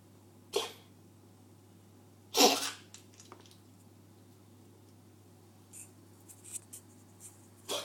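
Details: A cat coughing in a way that sounds like a human cough.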